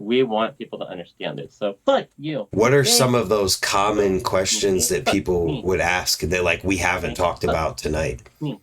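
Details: Adult male speaker; typical speech.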